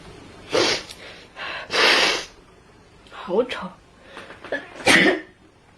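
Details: Sneezing compilation of a person from Xinjiang: several sharp, explosive bursts of air with short gasps between them, a run of sneezes in a small room.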